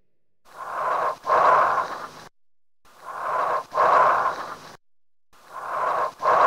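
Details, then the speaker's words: Chest auscultation, teaching case 1: loud, harsh breath sound with expiration at least as long as inspiration and a brief silent pause between phases; bronchial (tubular) breath sounds. "Now, what you notice is that this sound is loud, has a long exhalation phase, which is at least as long as inspiration, and has a little silent pause between inspiration and expiration. So it has all the three characteristics of a tubular breath sound, and that's what it is."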